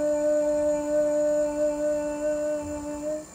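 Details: Normal sustained 'e' from a healthy female speech-language pathologist with a rigid laryngoscope passed through the mouth to view vocal fold vibration, during a swallowing evaluation demonstration.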